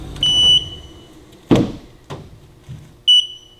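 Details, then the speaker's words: Short high-pitched beeps separated by knocks: oxygen concentrator power-failure alarm after power was deliberately cut to simulate an outage, warning it has stopped delivering oxygen and backup oxygen is needed. "machine starts peeping to let you know hey it's no longer working there's a problem you'll need to get on your backup oxygen or basically your your backup plant which most people is a backup tank"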